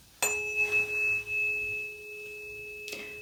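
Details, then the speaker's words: A struck tuning fork gives a clear, steady pure tone during a real-person simulated head-to-toe exam. It is held by the ear in two positions and the patient reports which is louder, as a hearing test. "I'm going to use my tuning fork here and I'm going to strike it and cause a vibration and I'm gonna place it right by your ear into positions"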